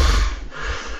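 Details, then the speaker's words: Loud, harsh snorting gasp as breathing restarts after about a minute-long obstructive apnea, with oxygen saturation cited at 49%: the post-apneic recovery breath of obstructive sleep apnea. "а у человека 49 но слава богу он через минуту 15 начнёт дышать потому что мозг проснётся и подумать что я уже умираю"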